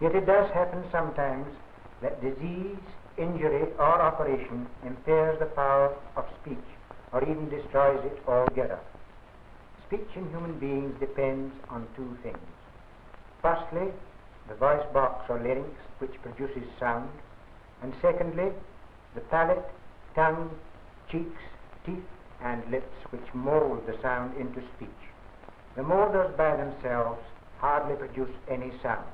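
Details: Adult male narrator; typical speech.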